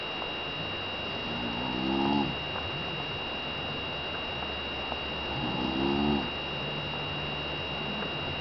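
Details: Snoring from the poster's twin sister at night: two groaning, tonal snores about four seconds apart over a steady background hum.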